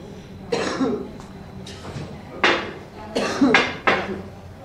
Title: Hospital Mens Ward / Men's Ward, Atmosphere In Ward With Footsteps, Coughing & Indistinct Speech, S